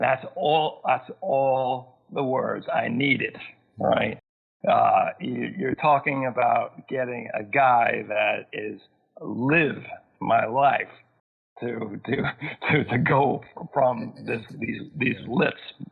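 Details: Adult male with aphasia from a massive stroke at age 41 in 2005, initially global aphasia, still present about 13 years later, needing extra time to process sentences and find the right words; aphasia.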